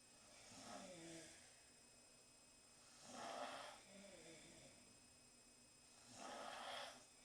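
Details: Snoring during sleep from girls sleeping in the same room after a long night: three soft, rasping breaths about three seconds apart, quieter gaps between.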